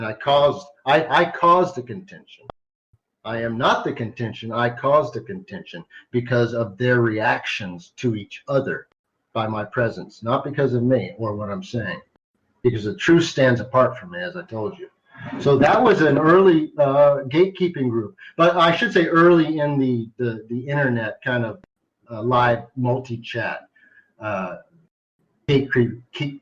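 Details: Adult man who stutters sometimes, a carry-over from much more frequent stuttering as a child; audible word repetitions; stuttering.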